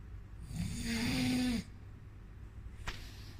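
One loud snore with a steady buzzing, slightly rising tone for about a second, then quiet breathing and a brief click.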